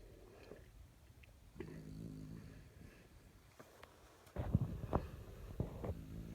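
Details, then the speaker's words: A sleeping woman snoring: soft, irregular low rumbling snorts and rattles; snoring. "Oh my gosh. You're snoring, honey."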